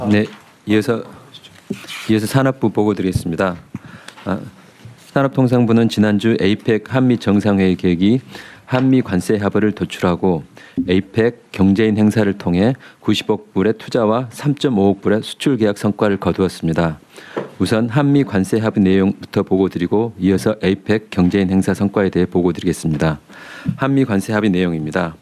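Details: Adult man; normal voice.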